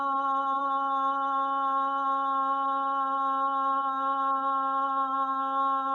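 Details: Female patient with Parkinson's disease in LSVT LOUD voice therapy, taking a deep breath and sustaining 'ah' as long as possible; sustained vowel phonation in Parkinson's disease.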